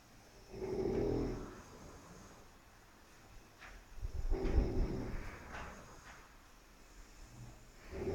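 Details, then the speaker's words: Soft, low, rumbling snores with each breath, about every three to four seconds, over faint room noise: a rough, disturbing snoring during sleep. "ஒரு முரட்ட சத்தம்."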